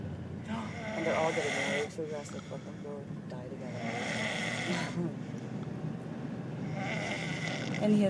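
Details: Man asleep, recorded on camera by his girlfriend: rough, rattling snores about every three seconds with faint background talk.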